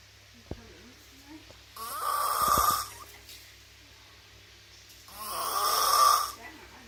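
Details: Two long, loud, rough snores about three seconds apart in a quiet room; snoring.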